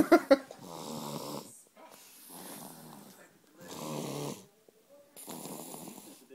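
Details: The wee man snoring loudly beside the recorder: loud rattling snores on four breaths in a row, each about a second long with quiet gaps, heavy snoring during sleep.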